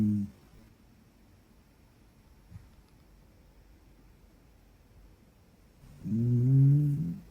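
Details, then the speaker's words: Sleeping dog tired after a long walk in Central Park: low, droning, almost humming snores, one trailing off and one longer, separated by several quiet seconds. "听到没有？他打呼噜。他今天去Central Park走了好多的路，累到了。"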